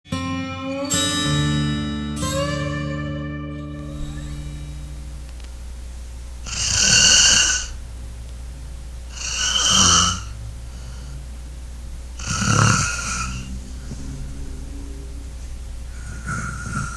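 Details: Snoring demonstration for an anti-snoring wedge product: plucked music fades into three hissing, rasping snoring breaths about three seconds apart, over a steady low hum.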